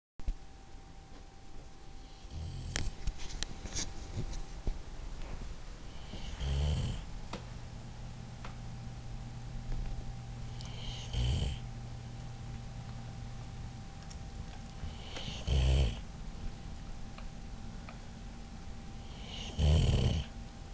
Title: More snoring from the dog